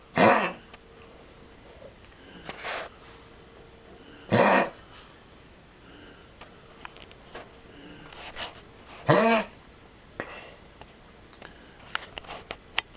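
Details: 13-year-old Lhasa Apso with tracheal collapse and an enlarged heart, coughing constantly for 6 months despite several medications: harsh, honking cough bursts between quiet pauses, tracheal collapse cough.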